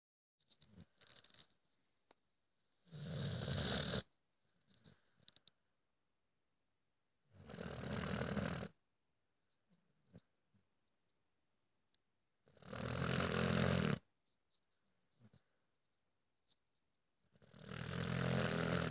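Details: Sleeping dog snoring loudly all night: loud, rough snores about every five seconds (near 12/min) with softer snuffling between; snoring.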